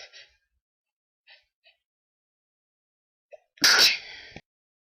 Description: woken up by a sneezing fit so decided to record sorry if quality is bad in places but holding a mic and sneezing like that is hard! bless me!